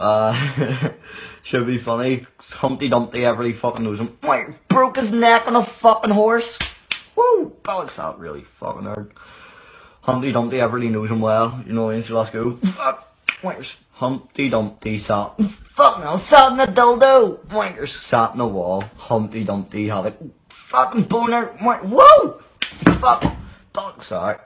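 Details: Person with Tourette syndrome reading a nursery rhyme aloud, repeatedly interrupted by sudden swear words and out-of-context phrases; vocal tics with coprolalia (Tourette syndrome).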